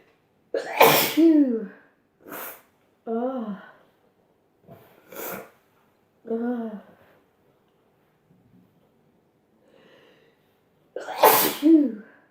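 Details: Sneezing compilation: several forceful "achoo" sneezes, each followed by a voiced sighing breath out; repeated sneezing.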